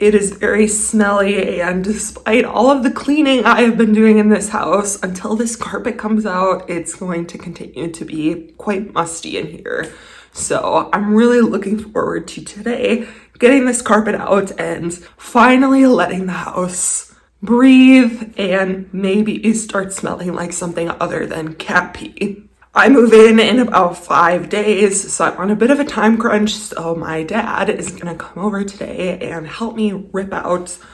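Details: Adult woman with a lifelong vocal disorder she calls a medical condition, not caused by nerves, emotion or illness; voice quivers, sounds shaky and cuts in and out. Finding: voice tremor.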